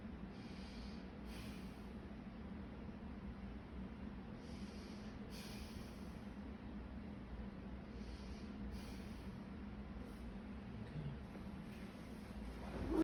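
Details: Normal breath sounds: slow deep breaths through a stethoscope on the chest, patient taking a deep breath at each position, under a steady low rumble, with no added noises.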